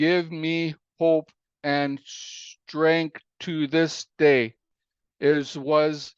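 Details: Aphasia in an adult man following a stroke in April 2019 that came after a cardiac arrest; aphasia.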